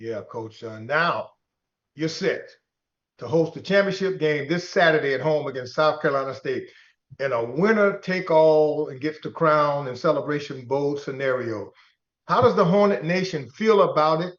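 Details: Adult male speaker; typical voice.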